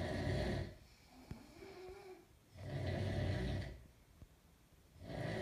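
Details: Parents snoring in sleep: low, rumbling snores on each in-breath with quiet gaps between, about 22 breaths a minute.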